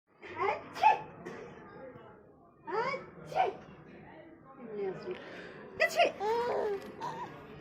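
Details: Father sneezes about three times while his baby daughter reacts with squeals and laughter between the sneezes; sneeze.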